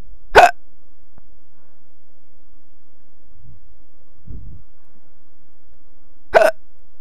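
Two sharp, sudden hiccups about six seconds apart, with quiet breathing between them in a still room.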